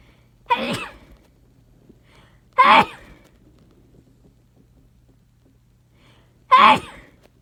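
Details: Abrupt sneezes: three separate sharp explosive bursts with short trailing tails, spaced a few seconds apart in a quiet room.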